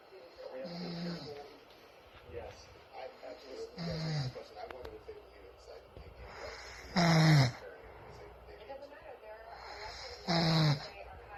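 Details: A quadriplegic man sleeping on the couch at night, filmed secretly, snoring: rough snorts and snores recurring every few seconds, some louder with a falling tone, over faint room noise.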